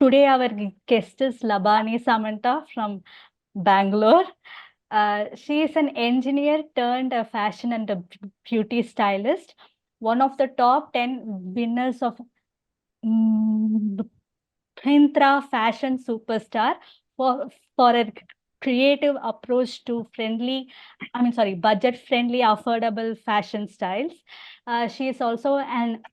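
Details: Adult woman who stammers and also has hearing loss, speaking naturally while hosting a podcast and introducing the guest; stuttering.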